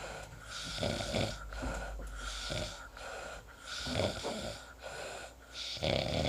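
Repeated rough, rattling snores on each breath in, with quieter pauses between; ordinary snoring.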